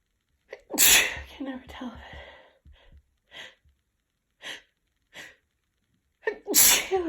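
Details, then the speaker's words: Sneezing in a sick person with a cold, tickly nose and mild congestion, brought on with chhinkni snuff: one loud wet sneeze, a run of small stifled sneezes, then another big sneeze. "Oh, I can feel it building, but wait. Oh. Oh, there we go. Oh my god, they're so big."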